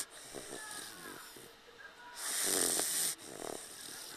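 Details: Snoring in a sleeping Dogue de Bordeaux puppy napping on its owner's lap: a noisy, rattling snore with a loud snorting inhalation.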